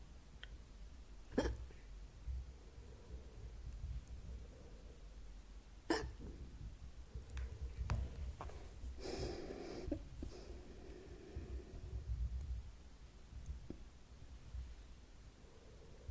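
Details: Quiet ASMR recording with several brief, abrupt catches at irregular intervals, about five over sixteen seconds, over low room rumble; hiccups.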